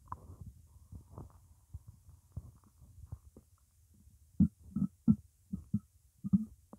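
Irregular low gurgles and bubbling pops, louder toward the end; stomach growling from hunger, a normal sound.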